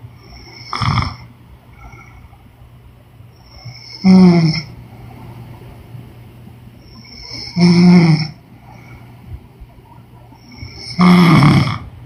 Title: Women snoring noise💤